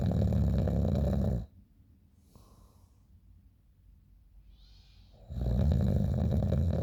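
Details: Person snoring in the morning, recorded by a friend: loud, low, buzzing rattle on breathing, broken by a quiet pause of about four seconds before it resumes.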